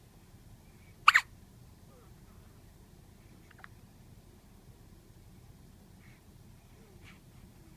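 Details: Newborn baby, still in hospital, has her first hiccups: one sharp hiccup followed by a few faint, brief clicks in a quiet room.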